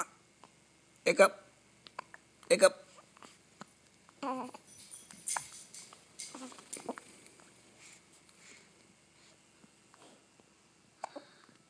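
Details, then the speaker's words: Hiccups: short, abrupt gulping hiccup sounds repeating irregularly in a quiet room, some close together. "what are you doing? Do you have the hiccups? Oh."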